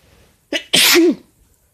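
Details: Male (boyfriend) sneezing, cause questioned as allergies or cold; a short indrawn breath, then an explosive voiced sneeze ending in a brief vocal tail.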